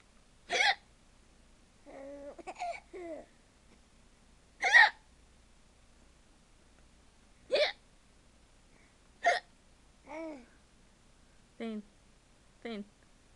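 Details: Young child giggling at a parent's imitated hiccups: short, sharp, fake hiccup-like gulps alternating with the child's laughter in a quiet room.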